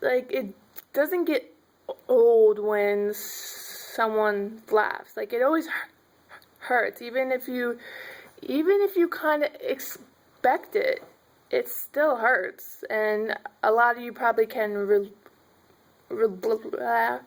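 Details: Stuttering in an adult woman who finds m and b sounds hard.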